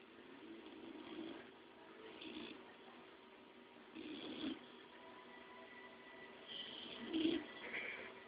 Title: Snoring Boxer